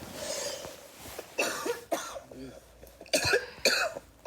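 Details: A girl coughing constantly in repeated fits: a breath, then a string of about five sharp, dry coughs in quick bursts.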